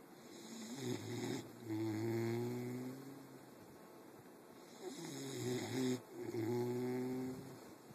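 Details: Two long, droning snores with quiet breathing between them, over a steady high whine in the background: snoring.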